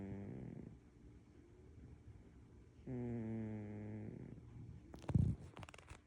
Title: Snoring cat. #cat #catcute #catsrock